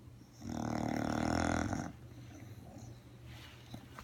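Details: Snoring of a sleeper tired after dressing up as Elmo for Halloween: one long, rough, rumbling snore on a breath, then quiet breathing in a still room.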